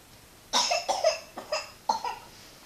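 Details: Child (Donovan) gives four short, harsh coughs in a quick run with a brief pause before the last.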